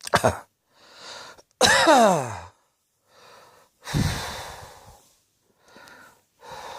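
Three forceful, partly voiced coughs from an adult, with audible breaths drawn between them; repeated coughing.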